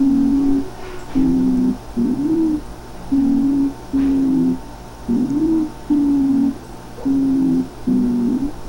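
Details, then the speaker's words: Stridor, high-pitched sound from a narrowed trachea as in tracheitis or laryngotracheitis, typically in children, sometimes audible at a distance or via stethoscope, heard during normal tidal breathing; high-pitched noisy breathing. "ese es el escritor muchachos a veces lo escuchamos a distancia a veces tenemos que poner el estetoscopio pero ese sonido agudo que se genera aquí lo estamos percibiendo"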